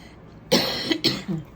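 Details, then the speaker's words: Adult woman, sick and feeling unwell, apologizing for coughing: three quick harsh cough bursts. "excuse me I might cough every now and then sorry"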